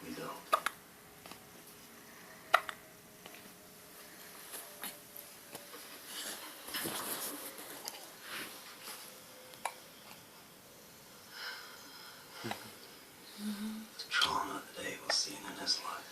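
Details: A 25-day-old newborn boy with hiccups: brief sharp catches at irregular intervals over soft room noise and murmured talk.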